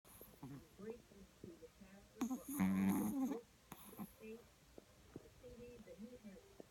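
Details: Chihuahua snoring, louder than most humans: soft snuffling breaths around one louder buzzing snore lasting about a second, with faint room talk.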